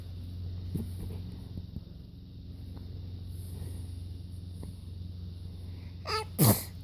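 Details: 5½-month-old baby girl fake sneezing because she finds sneezes funny: a short, sharp sneeze-like burst near the end, an imitation rather than a true sneeze.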